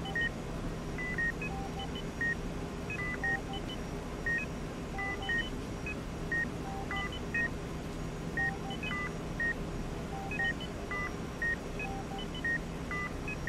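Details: Short electronic beeps at several pitches repeat about once a second over steady room hum in a dimly lit hospital ward: a bedside heart monitor with sporadic blood pressure machine sounds; patient monitor beeping, presented as relaxation background sound.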